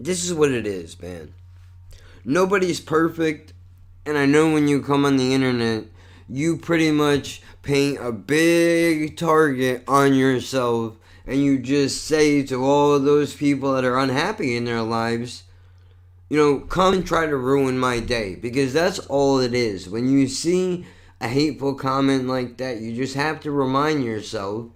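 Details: Adult male with lifelong cerebral palsy and multiple sclerosis, with constantly tight muscles, who says it affects his speech; dysarthria (cerebral palsy).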